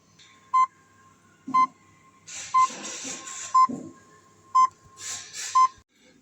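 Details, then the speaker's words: Short high beeps about once a second with hissing between: contact alarm of a Primo EMS860 combination therapeutic ultrasound unit, triggered when its 4 cm² transducer is lifted from the power balance water during calibration. "in fact if we remove the transducer from the balance and the water we should see a contact alarm once the waterers evaporated from"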